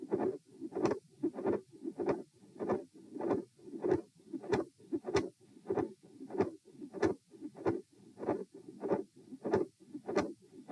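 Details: Midsystolic murmur with split S2, auscultated at position T during a posture stress test (lying, sitting, standing, lying): regular heartbeat near 95 per minute, a rough murmur between sounds, and a split second sound.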